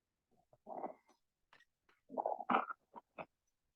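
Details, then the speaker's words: Simulated chest sounds on a SimMan manikin in a teaching session, contrasted with coarse crackles: short, irregular crackling pops over the breath. Crepitations. "this is Citation it's a bit tricky isn't it so I will tell you how to avoid such a mistake in the exam"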